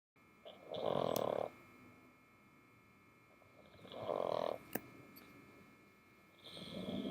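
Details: Slow, regular, buzzing snores about every three seconds, roughly 20 a minute, over a steady background hum, from Grampa, recorded with the ear close to the dog in bed.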